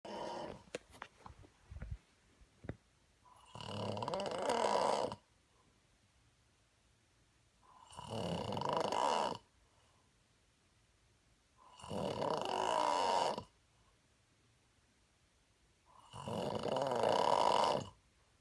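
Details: Four loud, throaty inspiratory snores at about 14 breaths a minute, with quiet out-breaths between them; steady snoring.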